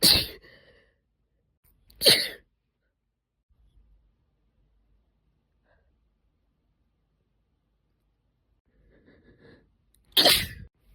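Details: Female deliberately induced sneezing; three sharp sneezes separated by quiet pauses, soft breaths before the last.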